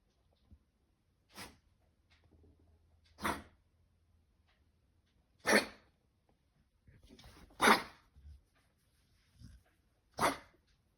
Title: Dog coughing morning day 3, Kennel cough